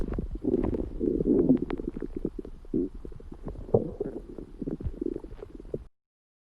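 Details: Man's stomach growling: borborygmi.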